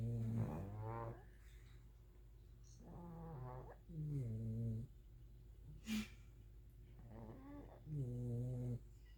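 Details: Loud snoring from sleeping dogs at nap time: rough, buzzing sounds in a slow breathing rhythm, about 15 a minute.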